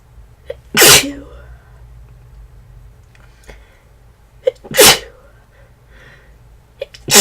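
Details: Person who is unwell and feverish, with a worsening tickly nose: two forceful sneezes a few seconds apart, each with a short in-breath before and a trailing voiced tail; repeated sneezing.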